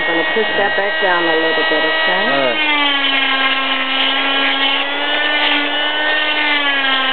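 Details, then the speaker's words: Cast saw cutting more along the side of an arm cast, removed 6 weeks after a snowboarding right wrist fracture: brief muffled voices, then a steady high motor whine with a buzzing grind. "what I'm going to do is I'm going to cut some more on the on the side here okay okay and that should make it work"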